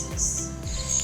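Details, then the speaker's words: Simulated tinnitus, hearing sounds not present externally: a shrill, high-pitched ringing and chirping over low background music. "Tinnitus is a condition that involves hearing sounds that aren't present externally. This is what it's like to live"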